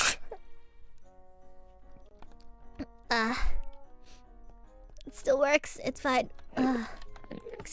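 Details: Light, voiced sneeze from an adult woman (VTuber IRyS) over soft background music, followed by brief speech.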